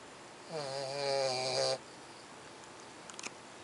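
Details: A little puppy snoring: one long, tonal, whistling snore on a breath, followed by quiet room noise.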